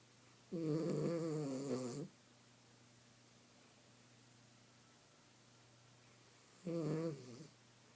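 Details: Snoring in a napping miniature schnauzer: two rattling, buzzy snores about six seconds apart in a quiet room, with silence between them.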